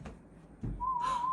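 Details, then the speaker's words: Child's hearing test, play audiometry: brief rustle then a steady slightly warbling pure whistle tone from the audiometer, a peg placed in a hole on each whistle. "And what we're going to do is, every time you hear a whistle, we are going to put one of these plugs into the holes."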